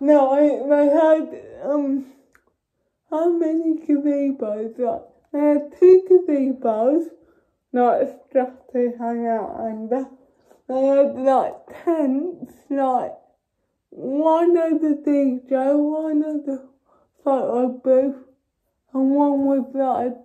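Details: Dysarthric speech in a young woman with cerebral palsy.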